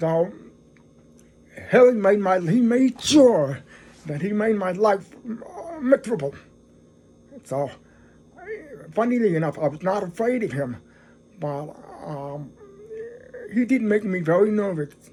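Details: Adult man who is deaf, speaking English; deaf speech.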